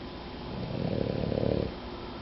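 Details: Female pet dog that snores like an old lady: a single rough, fluttering snore on a breath in, rising and fading over about a second. Snoring.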